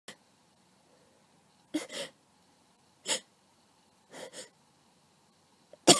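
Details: An adult with a cold sneezing repeatedly in quick succession, a series of sharp bursts; the person says it tickles and they can't stop sneezing.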